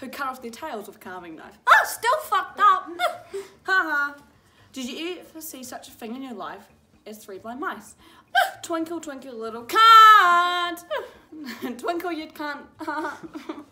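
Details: Teenager with Tourette syndrome reading aloud, interrupted by involuntary vocal tics including swearing and inserted words and phrases.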